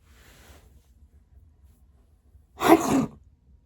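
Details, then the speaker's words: Deliberately faked sneeze by a young woman imitating her real sneeze after failing to sneeze for five minutes; imitated sneeze. "Um, I couldn't sneeze, so I will give you guys a fake sneeze that sounds kind of like my real sneeze."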